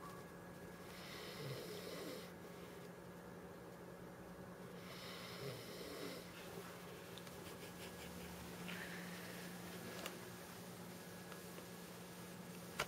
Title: Snoring :)